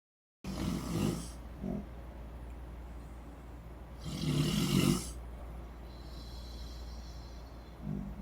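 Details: Loud snoring from two sleepers, a mother and daughter, on vacation; both deny snoring, likened to busted chainsaws.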